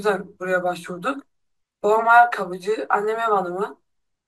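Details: Voice of a young man one year after surgical removal of type 3 sulcus vocalis that had caused dysphonia and a glottal closure defect; lower fundamental frequency, more regular mucosal wave and better closure reported.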